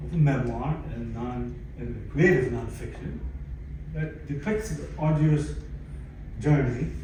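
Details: Aphasia in a 62-year-old man, acquired after a stroke in December 2011 that followed cardiac ablation for arrhythmia; he lost languages and speech and attends speech therapy at an aphasia center.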